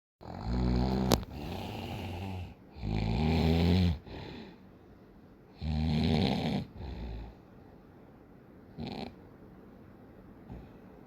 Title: He snores like a horse! Help!